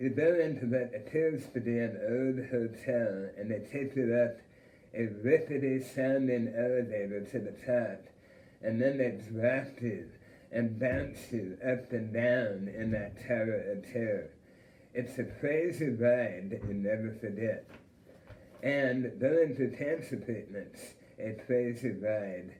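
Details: Adult male with a self-described speech impediment after cancer treatment that apparently included removal of his tongue followed by radiation therapy; finding: articulation disorder after glossectomy.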